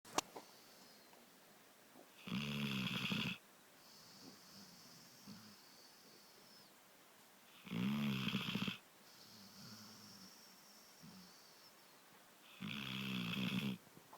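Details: Snoring: three loud, rumbling snores about every 5 seconds, roughly 12 a minute, with softer whistling breaths between.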